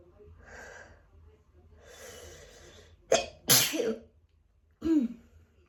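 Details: Adult with autumn allergies sneezing just after coming in from a walk: two breathy in-breaths, two sharp sneezes and a third short burst, leaving them lightheaded.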